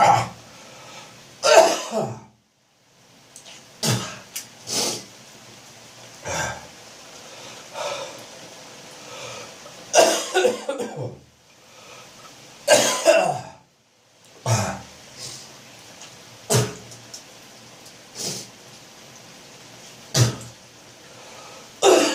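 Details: Adult with repeated wet morning coughs, gagging, hawking and spitting as phlegm builds up with an autumn/winter chesty cough; productive cough with throat clearing.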